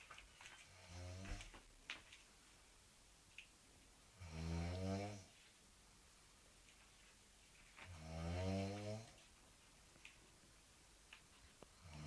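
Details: Loud, rattling inhaled snores, two in twelve seconds, separated by quiet exhalations, with faint room noise, from a sleeping girl; heavy snoring, recording said to be genuine.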